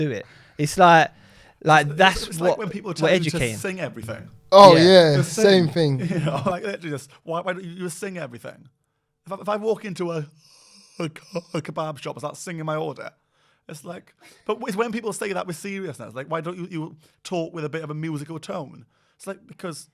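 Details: Adult man who stutters and reports regular blocking in everyday conversation; stuttering.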